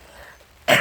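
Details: An adult who is sick with a cold gives one abrupt, harsh throat clear after a quiet pause. Throat clearing.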